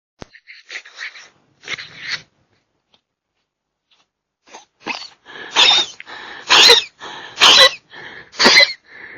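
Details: Raccoon coughing in a backyard, real audio: a run of short, harsh, hissing coughs in quick bursts, with pauses between groups.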